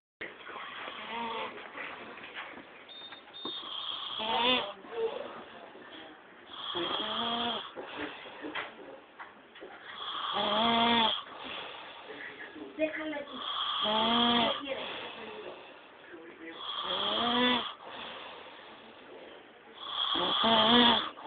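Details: Person sleeping and snoring: loud, rattling, voiced snores about every three seconds, roughly 18 a minute, with quieter breathing between them; heavy snoring.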